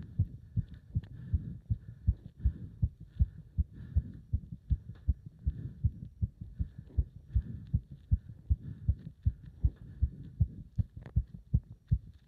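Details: Heart sounds during leg wrench exercise, pulsation felt up to the subclavian artery: fast, regular, forceful low thumps at roughly 150 to 160 a minute; rapid heartbeat during exercise.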